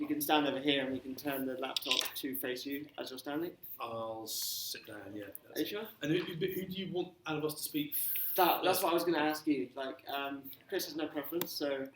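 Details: Adult speech in a room; ordinary conversational speech.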